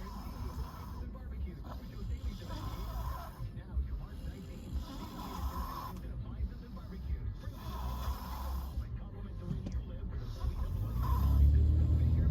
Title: Symphony of Snores